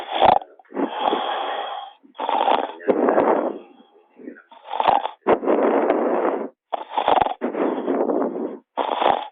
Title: sleep snoring.avi